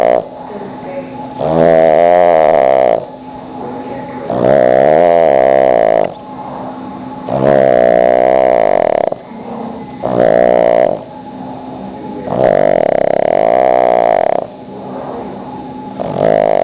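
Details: Pug, a flat-faced dog, napping in the afternoon on the owner's lap: loud, rattling, buzzy snores on each breath about every three seconds, with quieter breaths between; heavy snoring.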